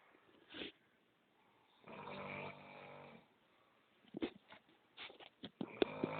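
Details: A quiet rattling breath sound with a few snorts and sniffs during sleep: snoring.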